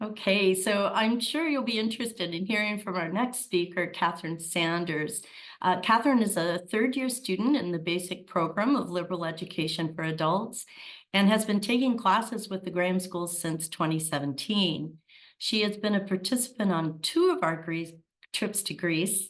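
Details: Adult woman speaking; normal voice.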